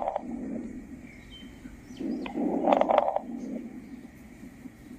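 Breath sounds with a cluster of brief, fine popping crackles late in a long inspiration.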